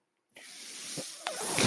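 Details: Speaker's own mechanical ventilator noise, heard in the background while he talks.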